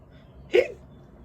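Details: Simulated hiccup voiced by a reader during a children's story read-aloud (Oxford Reading Tree stage 2, "Hiccups"): a single short, sharp, voiced 'hic' over a quiet background; one hiccup.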